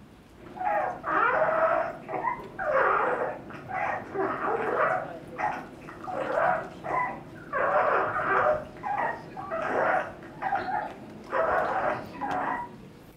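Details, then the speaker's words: Child with noisy breathing: biphasic, fairly musical stridor with apnea; biphasic wet stridor. "yeah definitely biphasic with apnea and fairly a musical actually"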